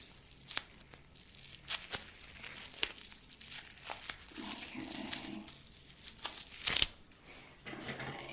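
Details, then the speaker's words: Simulated ASMR orthopedist role-play, old bandage pulled off a healing sutured leg wound during a dressing change: crinkling and ripping sounds. "so let's go ahead and get that out bandage off and it's gonna hurt because you've got hair on your leg"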